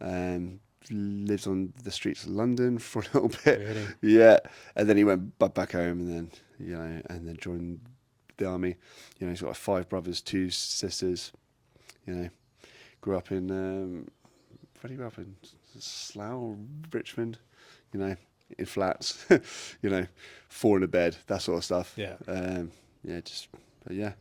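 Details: Adult man with a lifelong stutter; a speech therapist linked it to signalling between brain and mouth muscles and to breathing and speech timing; stuttering.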